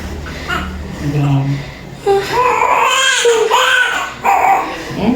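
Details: Short wavering cries from a newborn right after normal vaginal delivery at 11:30, with adult voices and room noise around; newborn cry.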